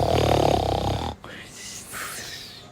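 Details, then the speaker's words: Person imitating their father's snoring while he sleeps: a loud, rattling, low buzzing snore lasting about a second, then quiet room sound. "やったよパパの真似何パパ何がパパの寝てる時のパパの真似よほてやってん"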